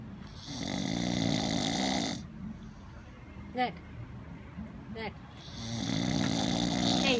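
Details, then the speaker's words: Man snoring: two long, loud, rattling inspiratory snores separated by a quieter pause with a few faint sounds; snoring. "you're snoring. Wow."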